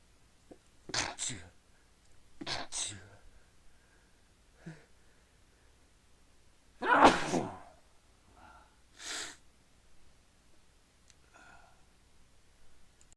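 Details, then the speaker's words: Sneezing fit with several muffled, deliberately stifled sneezes, quick catching breaths between them and one stronger burst midway; the person says they keep having to sneeze again and can't stop. "I feel like got to sneeze I feel like it later I'm start keep it quiet that's so good have to sneeze again"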